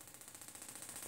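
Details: Extracorporeal shockwave therapy (Gymna Shockmaster 300; 2 bar, 15 Hz, 20 mm head, ultrasound gel) to the whole plantar fascia for medial arch pain; the patient curls his toes and squirms from the pain. Rapid, even rattle of pulses, about fifteen a second.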